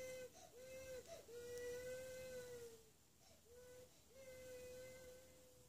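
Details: Young child crying in sustained, high-pitched wails broken by short catching breaths, in a small room; self-pity crying.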